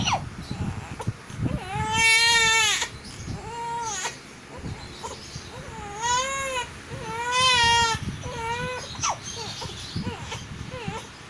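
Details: Several drawn-out wailing cries with rising and falling pitch, separated by short gasps and whimpers, over room noise: an infant crying, in a recording about hiccups.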